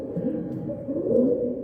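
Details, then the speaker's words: Stridor heard in two phases with a pause before repeating, unlike wheeze. "¿Se dan cuenta que el exidor que lo último que escuchamos se escucha en dos tiempo y hace una pausa y otra vez se escucha lo mismo."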